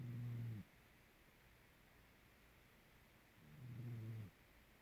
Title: kamere snore and breathing rate